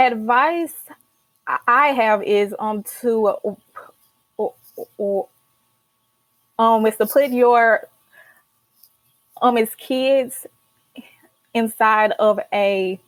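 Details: Adult woman, a senior college student who stutters and started speech therapy in college; stuttering.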